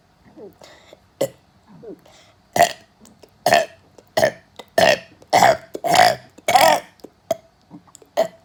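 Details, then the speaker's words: Deliberate burping: repeated voiced belches, about a dozen in eight seconds, growing louder and longer. "uh that should be it i've been burping for one minute so bye"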